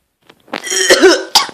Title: COUGHING FIT :(